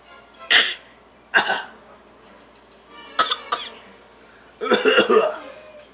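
A series of about five sharp coughs in short bursts, some paired, with quiet pauses between.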